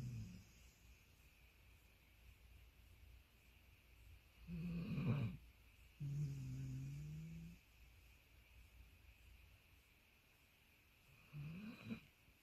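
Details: Sleeping Labradoodle dog snoring: low rumbling snores and a drawn-out whining sleep-talk vocalisation between quiet breaths while relaxed in deep sleep.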